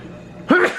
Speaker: Oh, I need to sneeze.